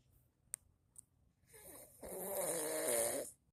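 Two faint clicks, then a loud rising snore lasting nearly two seconds with a rough, vibrating tone that fades out.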